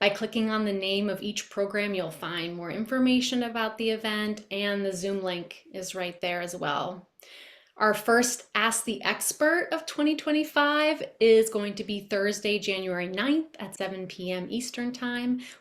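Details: Adult woman speaking; normal speech.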